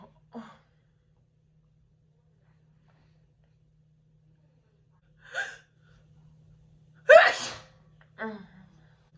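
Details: A girl recording a personalized sneezing video takes sharp in-breaths building up to one loud sneeze, then a smaller one, over faint room hum.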